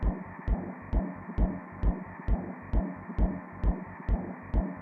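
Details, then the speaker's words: Fetal heartbeat recorded before birth, used as the bassline of a music track: rapid, regular soft thumps at about 133 a minute with faint clicks and hum, a normal fetal rate. "and we used only the samples of the sounds I did during the birth of my child and also from the heartbeat of my baby before he was born so the beat of the the Baseline of the track is actually the heartbeat"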